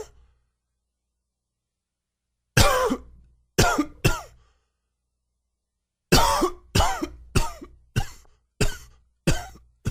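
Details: Adult with a very dry, wheezy cough attributed to allergies, about nine dry, harsh coughs in two bouts with a faint whistling, wheezy edge.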